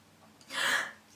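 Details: Girl sneezing, possibly from allergies or sinuses: a brief quiet intake of breath followed by a single hissing burst of air; one sneeze.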